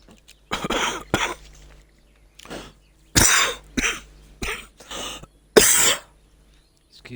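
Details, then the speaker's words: Adult man streaming a game while recovering from illness gives a run of short, harsh coughs and throat clearing, about six bursts over several seconds; ordinary cough. "I've been a bit ill in sedator and I'm just coming around for a bit now."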